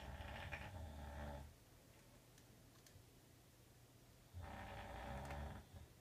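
Two loud, rough, low snores separated by a quiet pause of about three seconds: ordinary snoring.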